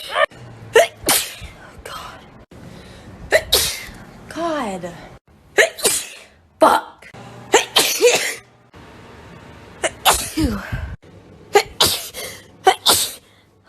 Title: sneezing compilation 12